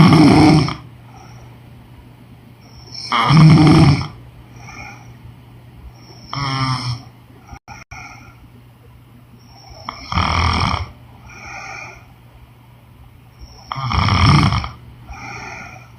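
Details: Woman snoring, sound-effect recording with background music: loud rattling snores on each breath in, about 18 a minute, with quieter breaths out between; snoring.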